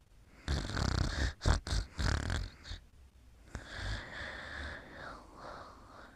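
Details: Snoring during sleep: quick bursts of snorting, rattly breathing followed by softer, drawn-out breaths.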